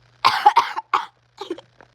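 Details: Quick run of three or four harsh coughs, then a fainter cough, interrupting attempts to speak during a roughly three-minute coughing fit; repeated cough.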